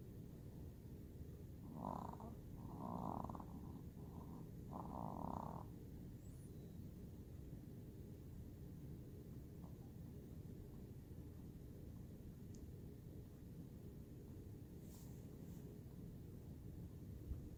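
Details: Pampered pet dog asleep: a few soft, low snoring breaths in the first few seconds, then quiet room noise; snoring.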